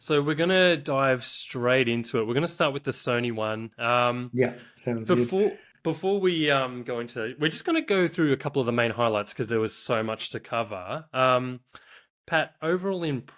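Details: Adult male speaker; Normal speech.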